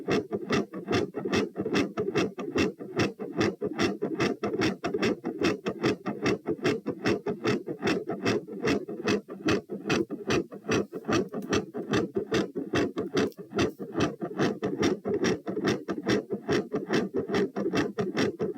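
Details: Heart sounds recorded at position P while standing up: quiet S1, loud S2 and fast rate (tachycardia).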